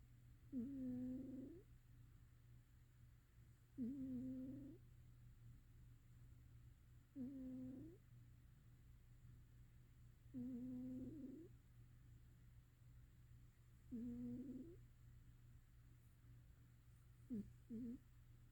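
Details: Sleeping cat snoring softly and regularly, about every three to four seconds, over a steady low room hum: snoring.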